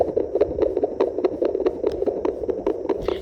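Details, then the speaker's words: Fetal heartbeat heard on a home Doppler during pregnancy after searching for the baby's position; rate 148 per minute, with earlier readings of 130 to 138; active baby, normal fetal heartbeat. "नहीं 148 तो ये सही है। कितनी अच्छी heart beat है। Active है वहाँ पर भी।"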